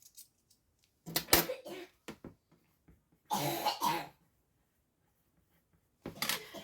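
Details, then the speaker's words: Sick young boy giving three harsh coughs in a quiet small room, faint clicking between them: cough. "Je suis désolée si vous entendez tousser, c'est mon garçon qui est malade."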